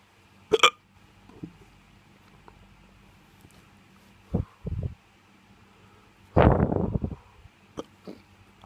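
Several sharp, abrupt hiccup sounds at irregular intervals, each a sudden catch of breath with a brief vocal squeak; hiccups.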